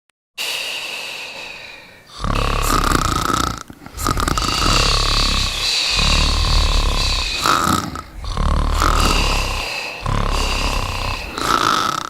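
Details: Loud, rasping, rhythmic snoring that rises and falls with each breath over a steady tonal hum, accompanying a scene of cats sleeping and snoring.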